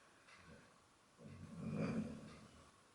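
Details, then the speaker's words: Dog snoring in the background while the owner talks. "I don't know if you can hear my dog snoring in the background I do apologize"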